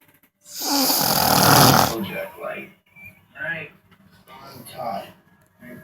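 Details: Snoring after a meal: one long, loud, rough snoring breath, then quieter breathy sounds and faint talk in the room.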